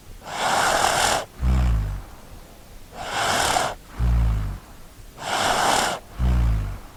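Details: Child snoring while asleep, sound effect: three regular breath cycles in seven seconds, each a breathy hiss followed by a low, rattling throat vibration.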